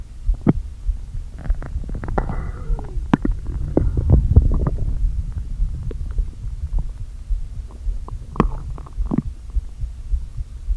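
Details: Stomach growling (borborygmi) after a full day without eating, stomach deliberately inflated with air: low hollow groans, soft gurgles and scattered clicks as air shifts in the gut.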